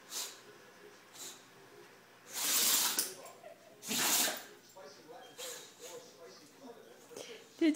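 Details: Dog sneezing: two sharp, explosive sneezes about a second and a half apart, with soft sniffing and rustling between them.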